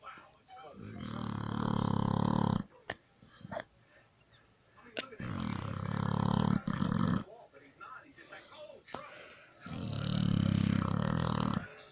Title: My pitbull baby snoring away